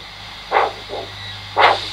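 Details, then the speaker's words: Handheld Doppler probe with gel over the left posterior tibial artery at the ankle, moved medially until signal found: whooshing pulsatile sounds, two strong beats about a second apart with a softer one between; normal arterial signal. "so let's have a listen to the uh posterior table pulse on the left leg some of the gel where I think the artery should be"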